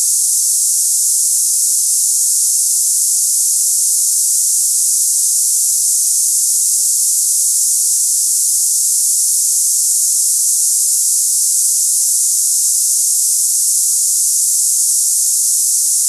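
Steady, unbroken high-pitched hiss like cicadas; a simulated sample of hissing-type tinnitus for comparison.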